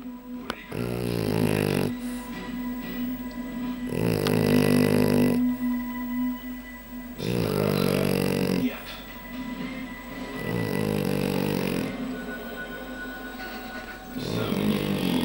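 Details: Sleeping French Bulldog, tired out: snores in steady, rattling bursts, about 19 breaths a minute, over television sound.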